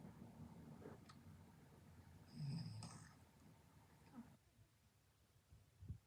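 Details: Person snoring: low, rough rumbling breath noise swelling into one louder snore midway, with a faint high whistle over it; ordinary snoring.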